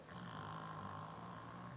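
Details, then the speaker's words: Female dog snoring while sleeping: a steady, low, rumbling sound through one drawn-out breath. "Can you hear you know who snoring? There she is."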